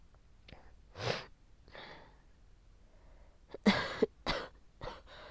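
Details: Adult woman with COVID-19 caught from her child, sore throat and large amounts of sticky phlegm, coughs repeatedly in short harsh, loose bursts; productive cough.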